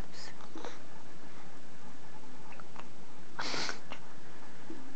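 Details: Four-day-old newborn with hiccups after feeding, whom the parent says drank milk too fast: brief, sharp catching sounds at irregular intervals in a quiet room.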